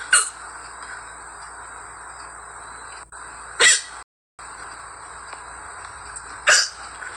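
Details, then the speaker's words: Girl with middle-of-the-night hiccups: three short, abrupt gulping sounds a few seconds apart over steady background hiss; hiccups. "timing hiccups with bunnies. Middle of the night hiccups."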